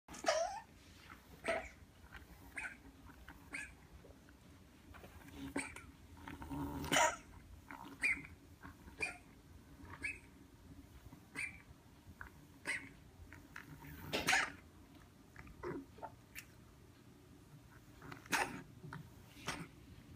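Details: A cat gives two sudden, harsh coughing bursts between quieter breathy and clicking sounds, in the afternoon after licking clumping litter off her two front legs.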